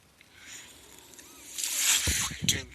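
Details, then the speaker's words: Mechanical ventilator breathing cycle of a man using a ventilator while speaking: a soft hiss swells into a loud rush of air, then brief low puffs, one ventilator breath. "Hello everyone. That noise you're hearing is my ventilator, and welcome"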